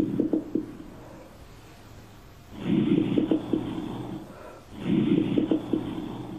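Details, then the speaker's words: Two noisy breath cycles with coarse, low rattling and popping from dense airway secretions or sputum: crackles and rhonchi, usually heard by stethoscope but sometimes audible to patients as wheezing. "Çok yoğun sekresyon, balgam varsa eğer dışarıdan da bazen bu hırıltıları duyabiliyor hastalar. Yani o hırıltı şikayetiyle gelebiliyorlar."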